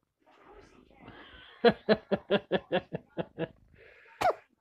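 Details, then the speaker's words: Cat sneezing fit: a rapid run of about eight short, evenly spaced explosive snorts, then one sharper burst. "Oh, cough, cough. You sneezed. You sneeze."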